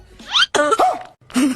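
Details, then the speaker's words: Adult man, acted in a comedy sketch, gives two or three short, harsh coughs. "हे भगवान किसी तरह मेरी खांसी ठीक कर दे नहीं तो खांसी के चक्कर में किसी दिन मेरी जान चली जाएगी।"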